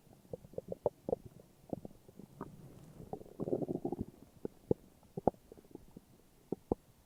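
Scattered bubbling pops and gurgles with a brief rumbling stretch; ordinary stomach growling.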